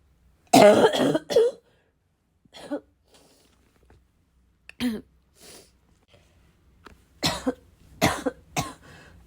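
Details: Persistent bad cough in a prolonged coughing fit, described as a little wheezy, a little chesty and barking as always: repeated harsh, chesty coughs in short bursts with throat clearing between.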